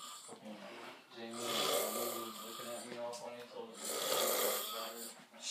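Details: Snoring: loud, buzzing, vibrating breaths repeating about 24 times a minute in a slightly uneven rhythm.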